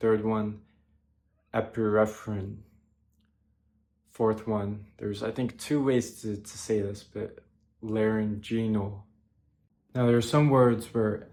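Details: Male speaker with childhood apraxia of speech (verbal dyspraxia), previously treated by a speech-language pathologist, practicing long multisyllabic science terms he has avoided for about two decades; childhood apraxia of speech.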